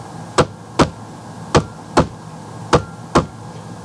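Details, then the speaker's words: Simulated lub-dub heart sounds played on a laptop, as heard with the stethoscope diaphragm over the brachial artery: three clear pairs at about 51 beats a minute, a normal S1 and S2. "So, these are the normal sound that when you have your stethoscope and you have your diaphragm on the brachial artery, you hear most likely and it sounds like this."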